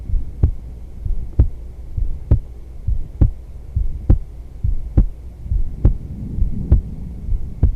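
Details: Female heartbeat recorded for ASMR during yoga, with whispering, breathing and clothing sounds; normal heartbeat.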